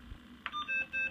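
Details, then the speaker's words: A button click, then short electronic test beeps as the alarm volume is adjusted on a CapnoStream 20 pulse oximetry and capnography monitor; the volume goes down to one bar and cannot be turned fully off. "my alarm volume i can turn it up and down it'll go down to one bar fda says that we can't shut it completely off so we have to have an alarm"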